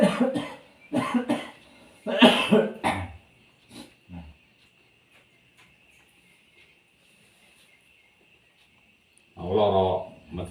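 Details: Several short, harsh cough bursts in quick succession, then a pause and one more cough, from a person with cough and cold, tired, receiving traditional massage meant to relieve it.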